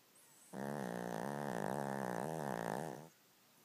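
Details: 2-year-old Cavalier King Charles spaniel asleep, one long, loud, rattling snore with a fluttering vibration throughout the breath; snoring.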